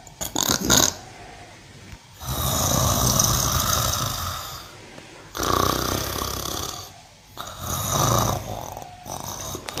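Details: Sleeping cow snoring: loud, harsh, rasping snores with each breath, three long ones plus shorter snorts.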